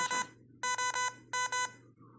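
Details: Bright electronic beeps in short bursts, one then two pairs, from an FVP 10 infusion pump signalling that its run has finished during volume calibration.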